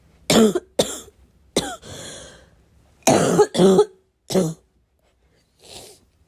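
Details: Heavy barking smoker cough; person unsure whether it comes from vaping or oncoming illness; six harsh forceful coughs in clusters with a rough barking edge and throat-clearing rasp, then a sniff.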